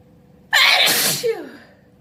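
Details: Adult deliberately giving loud, vocalized, wet open sneezes alone at home: one loud, voiced, explosive sneeze with a sharp onset and trailing vocal tail in a quiet room, with sighs around it.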